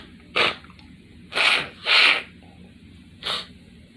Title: Bedroom Sneeze Part Four Blowing The Nose With Dripping Snot sneezing